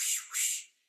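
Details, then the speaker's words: Vocal imitation in nursing lecture of stethoscope over a hemodialysis AV fistula or graft: two quick hissing whooshes mimicking the bruit of turbulent blood flow; AV fistula bruit. "that means when you put your stethoscope over a AV fistula you hear or oscco take the brewery it's a turbulent blood flow like a"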